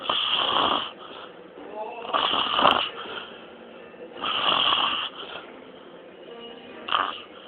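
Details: Loud, rattling snores with each in-breath, roughly every two to three seconds, from a sleeping man with his mouth wide open; snoring.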